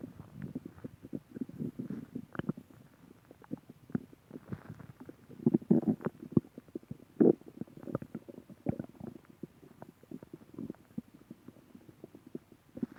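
Irregular gurgling and rumbling bubbly sounds from the belly throughout; ordinary stomach growling (borborygmi), a normal gut sound.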